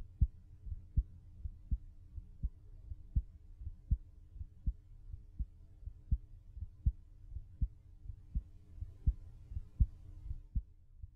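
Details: Steady, regular low thumps at roughly 80 beats a minute, an ordinary heartbeat recorded outside the body with a studio microphone half a foot from the chest; level changes from adjustments during recording.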